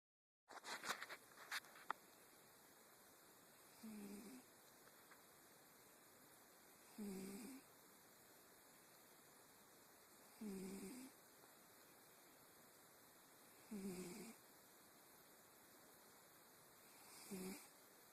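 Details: A cat snoring: soft, regular nasal snores about every three seconds, close to 18 breaths a minute, over faint room noise.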